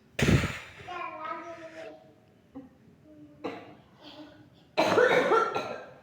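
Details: Two harsh coughs separated by a few seconds of strained, groaning voice and quiet sounds in a small room, recorded during a non-medical healing session for someone with frequent coughing.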